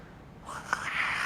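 An adult mimics loud snoring: a brief snort followed by a rough, hissing, whistly inward breath.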